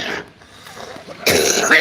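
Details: Adult man with an ongoing cold, taking antibiotics: a soft throat sound followed by a single loud, harsh cough.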